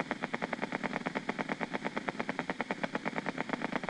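Steady, rapid crisp clicks from needle EMG, typical of normal motor unit potentials on light muscle contraction.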